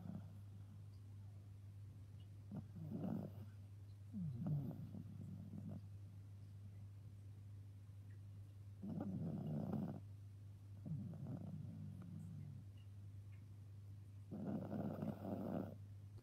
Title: OMG Snoring or what!